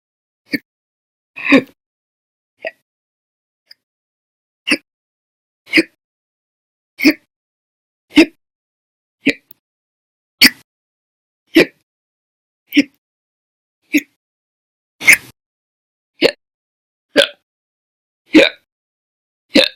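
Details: Violent, loud persistent hiccups, audio only, possibly recorded across April 2020: short abrupt hiccup sounds repeating fairly regularly at about 50 a minute in a quiet room.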